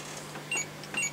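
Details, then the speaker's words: Two short, high electronic beeps repeating about half a second apart from a brand-new pressure-relief air mattress signalling low pressure; hoses checked and appear fine; air mattress low-pressure alarm. "so it's beeping we don't ever want to see this the brand new plumbing mattress is alarming"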